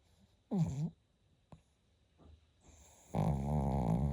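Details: Sleeping Shih Tzu: brief snorting inhale, quiet pause, then a sustained, fluttering, rattly snore; ordinary snoring.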